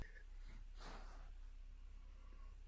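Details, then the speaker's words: Resting dog, tired after a day of bike touring, snoring beside the owner in a cabin: a single soft, noisy snorting breath over a low room rumble, light snoring during sleep. "my she's right next to me snoring you might be able to hear it she's a little tuckered out from our action"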